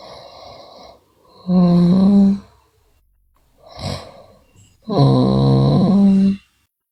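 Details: Sleeping girl with snoring, also bruxism and delirium noted: loud, rasping, droning snores on each in-breath with quieter breaths between, about two snores in seven seconds; heavy snoring in sleep.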